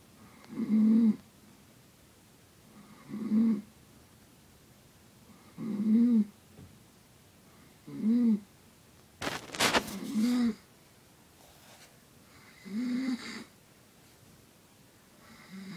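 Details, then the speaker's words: Mother asleep, snoring: regular rumbling snores at roughly 24 breaths a minute, each a short buzzing sound on breathing in, with a brief noise midway. Snoring. "She's snoring."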